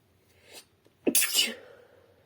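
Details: A soft catch of breath, then one restrained, stifled, hissing sneeze let out through a partly closed mouth, in a quiet room.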